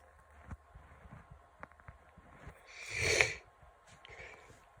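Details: Soft sniffles and one loud harsh nasal snort from a congested nose on day 2 of a bad cold, with lots of sneezes.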